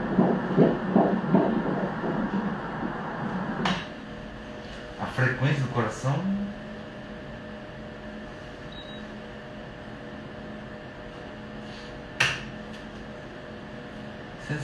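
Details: Fetal heartbeat on ultrasound Doppler at 13 weeks' gestation: fast, regular whooshing pulses at about 158 a minute, then a steady machine hum; normal fetal heart rate.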